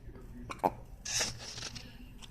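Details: Two abrupt, short gulped catches in the voice over low room noise, from a girl; hiccups.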